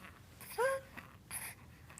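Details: Infant born early (premature), awake while being talked to, has noisy breathing with a brief high-pitched squeak, harsh musical stridor.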